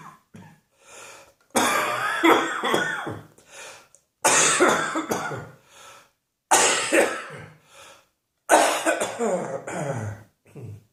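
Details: Four harsh, dry, hacking coughing bouts, each with several coughs, separated by breaths.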